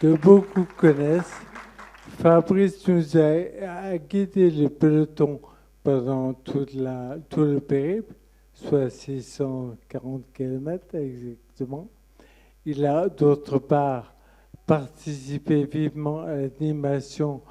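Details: Adult man with Friedreich ataxia speaking at a patient association meeting; ataxic dysarthria due to Friedreich ataxia.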